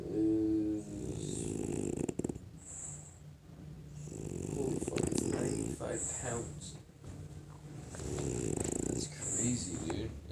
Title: FRENCHIE RECON SNORING UP A STORM